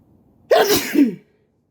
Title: Sneezing while sitting on the floor